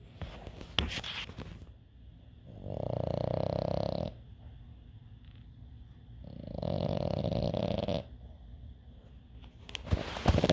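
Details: Snoring.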